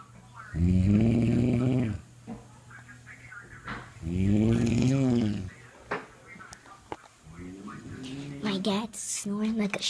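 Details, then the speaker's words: Adult man (father) snoring in sleep, labelled sleep apnea: two loud, deep, rattling snores over a second each, then lighter noisy breaths; heavy snoring likened to a shaver or a pig. "like a shaver or a pig. He's so loud. I can hear him from the living room."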